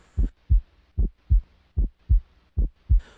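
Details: Normal heart sounds at the tricuspid area.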